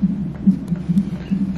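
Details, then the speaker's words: Rapid, regular whooshing fetal heartbeat at about 140 per minute on a Doppler monitor during labor contractions in hospital; the mother's water was leaking before her sac was broken. "there's the baby all the lines still is contraction this is a heartbeat"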